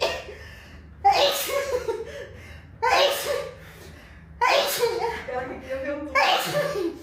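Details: Four forceful human sneezes in quick succession, about one every two seconds, each with a sharp breathy release; rapid repeated sneezing.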